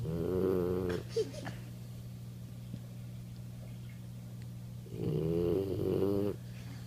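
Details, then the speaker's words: Boxer puppy asleep on the owner's legs snoring: two loud, rattling snores with a steady low hum between them; ordinary snoring. "you're on my legs yeah you're snoring on my leg"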